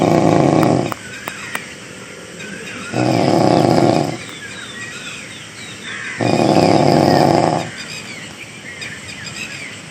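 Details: Adult male police driver asleep on duty outdoors, snoring: loud, coarse snores about a second long, roughly every three seconds, with birdsong in the background.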